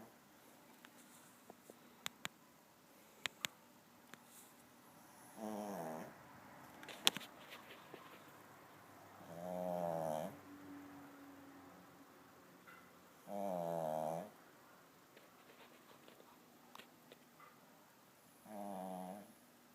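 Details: Pet dog asleep: four rough, rattling snores about four to five seconds apart, with quiet clicks and room noise between them; ordinary dog snoring.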